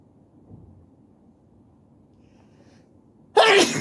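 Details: Sneezing while sitting on the floor: a quiet room, then one sudden loud sneeze at the end.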